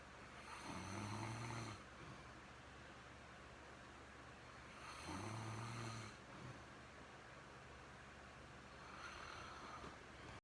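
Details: Snoring from someone described as stoned: low, droning snores on the in-breath, about 14 a minute, over a steady background hum.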